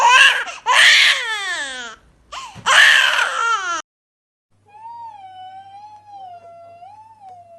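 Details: Infant crying in sleep: two loud wailing cry bursts with falling pitch, then a softer steady whimper after a pause; infant crying.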